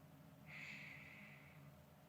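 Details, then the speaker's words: Nurse practitioner auscultating the lungs with a stethoscope during an ASMR new-patient exam, asking for deep breaths; one soft, airy deep breath with a gentle hiss, no wheeze or crackle; normal breath sounds. "And then can I go ahead and listen to your lungs? Can I place it right here? Mm-hmm. Okay. Can you take a deep breath for me? And let it out."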